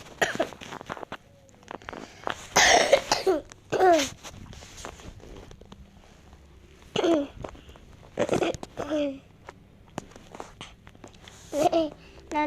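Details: Cough from a Roblox video creator whose voice is unclear because of the cough: several short coughs and throat-clearing sounds in a small room.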